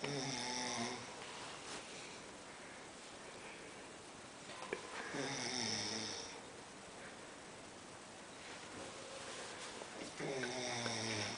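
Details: Naga snoring through the night: loud rattling snores on each breath in, about 12 breaths a minute, with quiet breathing out between them; ordinary snoring.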